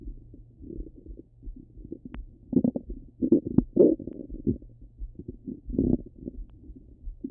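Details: Stomach rumbling: low gurgling and bubbling rumbles in irregular bursts; ordinary bowel sounds.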